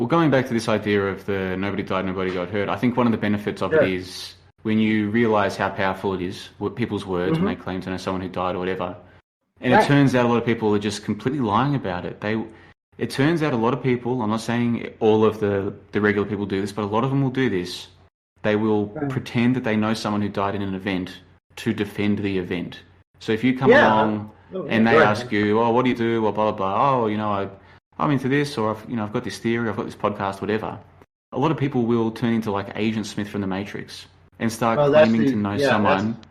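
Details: Adult man; typical speech.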